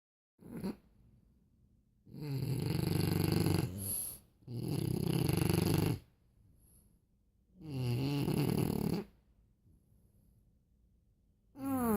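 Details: Two sleepers snoring in tandem: loud, rough snores alternating with quieter breaths, about five to six snores in twelve seconds, in a quiet room. Snoring.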